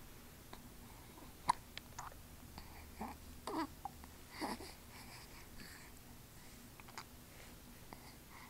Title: 1st hiccups